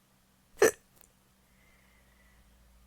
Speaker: how do these [ __ ] hiccups ever leave me alone how do people even get a cups in the first [ __ ] place I just can't stand it they're killing me good night